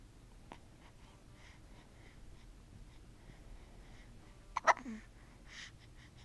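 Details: Infant with a pacifier and the shakes gives one sharp, abrupt hiccup after a faint click in a quiet room.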